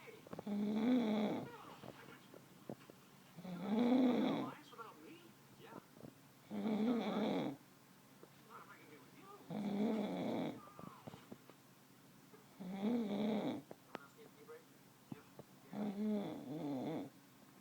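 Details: Adult man snoring loudly during sleep, loud enough to wake someone again: loud, rough, rumbling snores with each breath, about 20 a minute, steady rhythm; heavy snoring.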